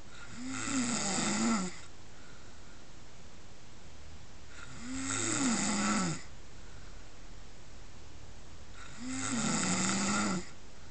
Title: Snoring pig